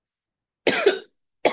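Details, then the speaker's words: Adult woman in Madrid with chronic cough for about 13 years, which she thinks began with a cold: two short, dry, explosive coughs, her usual cough. It sounds different during bronchial infections and does not occur at night. "Esta que acabáis de escuchar es mi tos. Cuando estoy enferma, no es mi tos, es una tos distinta, suena distinta, la siento distinta."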